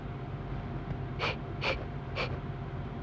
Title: Stifled girly sneezing fit